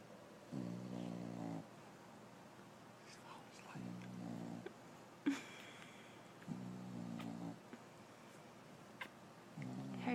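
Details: English bulldog snoring in sleep while her pup nurses: regular buzzing, tonal snores about every three seconds, roughly 20 a minute; ordinary snoring.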